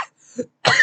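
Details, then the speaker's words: Person sick for several days, suspects allergies, after sore throat: short, harsh, rough-edged crunchy cough burst following a softer throat noise; also sneezing. "first it was a sword throw then it was a lot of crispy coughs"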